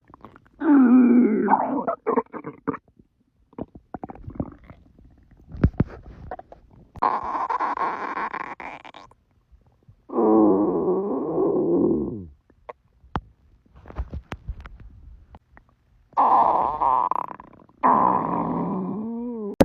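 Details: Several long, low gurgling and moaning rumbles with pauses between them: ordinary stomach growling from gut movement.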